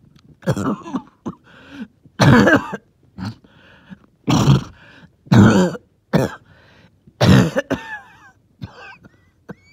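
Five harsh, wet coughs with whistling, wheezy breaths drawn in between: a phlegmy cough with wheeze.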